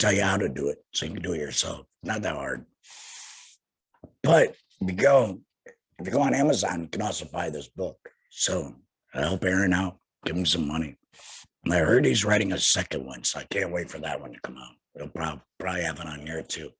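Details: Tracheoesophageal (alaryngeal) voice in an adult man about two years after total laryngectomy for head and neck cancer, speaking via tracheoesophageal puncture by finger-occluding his stoma/HME.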